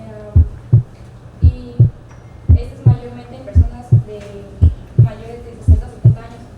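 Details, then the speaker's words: Heart sounds with a regular rhythm at about 57 per minute; the reduced first heart sound is softer than the second, with a PR interval near 0.18 seconds. "El segundo ruido puede ser más intenso que el primero y este primer ruido es de intensidad reducida."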